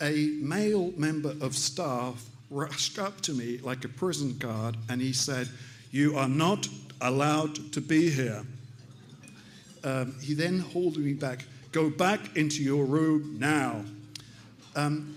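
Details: Aphasia after stroke caused by carotid artery plaque breaking off and lodging in the brain, in an adult man about three years post-stroke after extensive speech therapy; mild, recovered aphasia.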